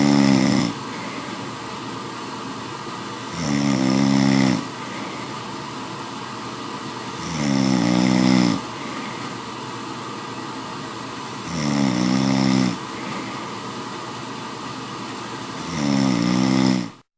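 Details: Man caught snoring and recorded while asleep; he still denies it was him. Loud, rattling snores on each breath in, about 15 a minute, with steady breathing noise in between; snoring.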